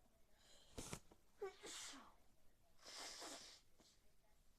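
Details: Repeated sneezing: a quick catch of breath, then two forceful, hissing sneeze bursts about a second apart in a quiet room.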